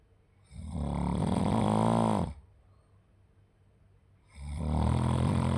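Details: Typical snoring: long, low, rattling rumbles on the in-breath, about two seconds each, separated by quiet out-breaths at roughly 16 breaths a minute.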